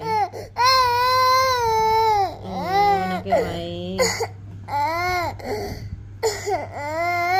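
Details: Infant crying.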